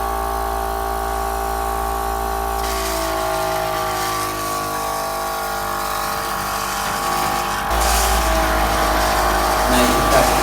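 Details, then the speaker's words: Portable suction unit with Yankauer and whistle tips, switched on and set to about 300–350, suctioning water in a demo: loud steady motor drone, tone shifting as fluid is drawn into the canister. "so as we turn this on we can hear the change in the amount of suction and see that legs up to put this up to around 350"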